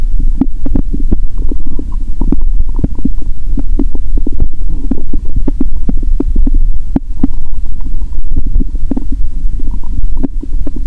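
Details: Stomach growl heard through a stethoscope on the abdomen after more than 15 hours of fasting, while eating Mentos during a cola-and-Mentos session; she says the growl is amazing. Active gurgling bowel sounds.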